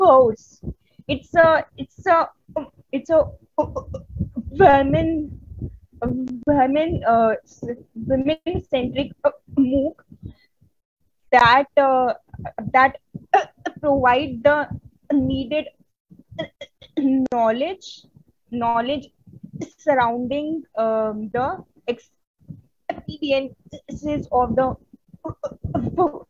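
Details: Adult woman who stutters, a member of an Indian stammering association, presenting on women and stuttering at a 2022 stuttering conference, with audible word repetitions; stuttering.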